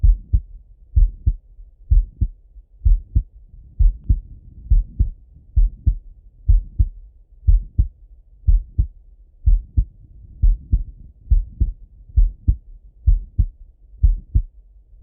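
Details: Normal heart sounds in an adult male: clear, regular paired thumps at about 63 beats a minute, heard by stethoscope in full heart auscultation, recorded while sitting at a desk and while lying in bed.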